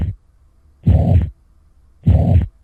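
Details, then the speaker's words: Teaching recording: slow heartbeat with a steady high-pitched blowing murmur continuous from S1 to S2 through all of systole; holosystolic murmur of mitral or tricuspid regurgitation. "this is going to be hollow systolic high pitched blowing and continuous from s1 to s2 so put your headphones on and listen because this is what mitral and tricuspid regurgitation sound like"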